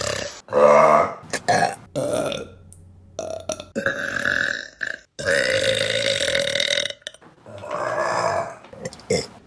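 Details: Burping compilation: several loud, drawn-out, voiced belches in close succession, each a long rumbling burp with short pauses between; repeated burping.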